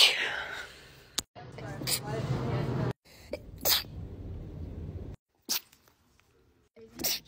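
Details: Several short, sharp sneeze-like bursts separated by brief silences and background noise, edited together from a short sneezing compilation: sneezing.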